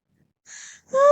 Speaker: can you hear me wheezing i'm like very paranoid about catching covert